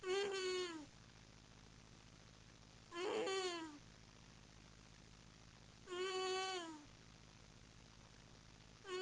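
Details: Sleeping cat snoring with regular squeaky, whining noises about every three seconds, roughly 20 a minute, in time with its breaths.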